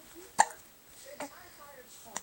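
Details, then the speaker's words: Baby with hiccups, shortly after spitting up, gives three sharp, brief gulping catches about a second apart, with soft voice sounds between them; hiccups. "you got hiccups you got hiccups did we get all your spit up"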